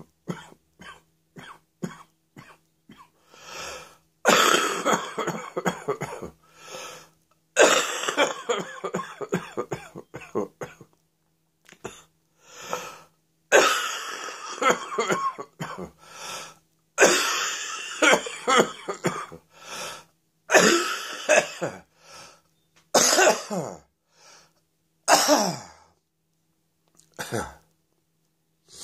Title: Cough Rattle and Roll!